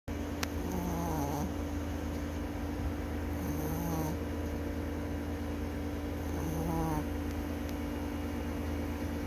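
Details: Chihuahua snoring: three soft, rattling snores about three seconds apart over a steady background hum; ordinary snoring in a sleeping small dog.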